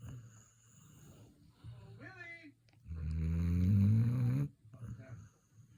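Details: Labrador retriever or its owner sleeping, unclear which: a single loud, low, rattling snore amid quiet room noise and a brief higher squeak; snoring.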